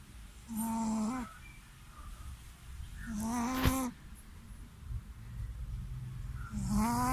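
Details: Shih Tzu snoring in sleep after a bath: three whistling, squeaky tones on the breath about three seconds apart over low rumbling; snoring with a high whistling quality.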